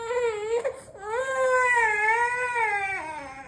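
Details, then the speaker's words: Infant daughter cries heavily right after being laid down on the bed, not hit; a loud, sustained, clear-voiced cry that briefly breaks off and then resumes; ordinary infant crying. "பாருங்க நம்ம அடிக்கவே இல்ல. ஆனா heavy அழுக இங்க பாருங்க just ஒரே second அவ்ளோதான். இதுதான் இவங்களோட அழுகு பாருங்க."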